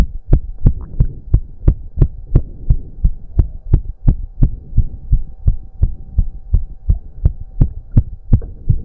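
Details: Male heartbeat during an intense cardio workout of about 15 minutes, with heavy breathing. Fast, regular, hard pounding at roughly 170 beats a minute over a steady hum; he reports close to 200 bpm. Exercise-induced sinus tachycardia.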